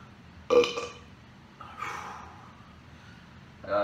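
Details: Two or three short, voiced, throaty belches over quiet room noise.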